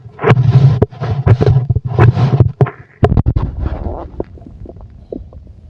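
Loud low gurgling and rumbling with sharp pops and squelches, fading out; ordinary bowel sounds of a full stomach.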